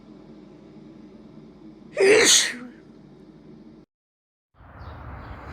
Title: compilation of recent female sneezes